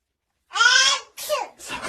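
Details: Father's loud, sharp sneeze burst, followed by brief voiced sounds, as he sneezes to make babies giggle and copy him: sneezing.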